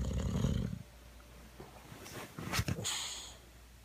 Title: Boxer Dog Snoring